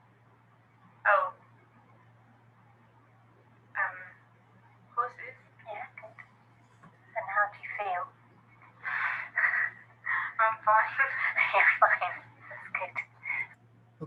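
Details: Woman with non-fluent aphasia after a stroke, with word-finding difficulty and trouble forming grammatical sentences, currently in speech therapy; an interviewer also speaks; non-fluent aphasia.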